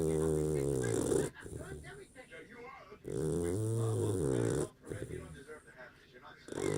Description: Puppy snoring so loud I can't hear the TV!